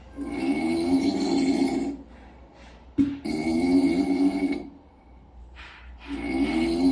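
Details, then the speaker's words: Sleeping female kitten snoring: loud, buzzing, drawn-out snores with short breathy pauses between them. "Who on earth is snoring? I can't quite fall asleep."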